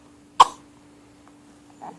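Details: An infant girl on her first St. Patrick's Day, in a recording titled as sneezes: a single sharp, brief cough-like burst in a quiet room, then faint soft sounds; one cough.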